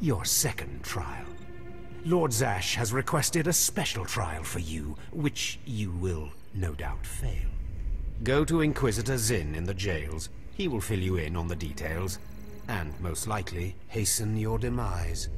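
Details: Adult male voice actor, game dialogue with background music; normal speech.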